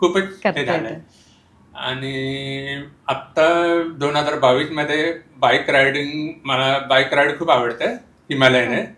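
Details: Speech of a young man born deaf who uses hearing aids, after speech therapy. Congenital profound hearing loss.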